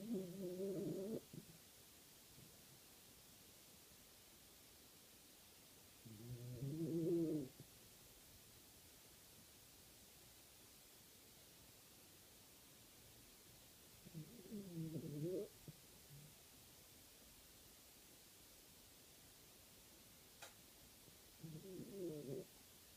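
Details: A sleeping dog snoring in rough, low bursts about every seven seconds, with quiet pauses between.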